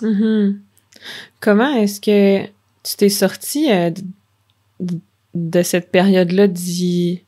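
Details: Stuttering in an adult French-speaking woman who stutters and is a speech-language pathology master's candidate; real.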